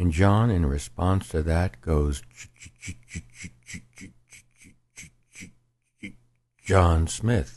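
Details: Acted demonstration by a narrator of a young man stuttering on his own name when asked at a party. The programme attributes it to vocal-cord tension rising above his locking threshold in the silence before speaking.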